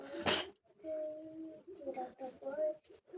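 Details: A single sharp, noisy sneeze burst, followed by murmured voice and quiet room sounds. It occurs during a sneezing and nose-blowing challenge by a woman who says she feels unwell; she says she had no cold, but her nose is now runny.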